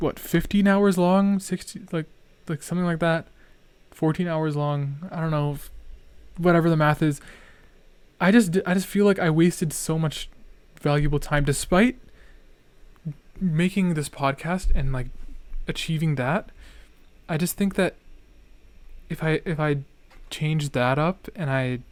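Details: Real male speaker with a stutter, with hesitations and word repetitions, who right afterwards says he is stuttering a lot; stuttering.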